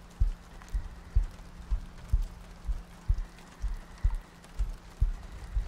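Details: Sleep-aid ASMR loop of soft, regular low heartbeat thumps at about 62 per minute, with soft breathing under light rain ambience; steady heartbeat.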